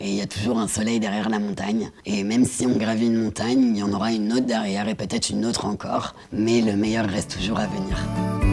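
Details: Woman diagnosed at 22 with left vocal cord cancer after months of hoarseness, four years after partial laryngectomy removing half the larynx including the vocal cords, speaking with other muscles; rough voice after partial laryngectomy.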